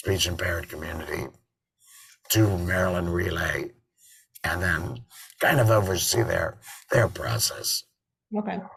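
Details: Adult man with total laryngectomy in February 2019 and a tracheoesophageal voice prosthesis since September 2019, sometimes also using an electrolarynx: tracheoesophageal speech after total laryngectomy.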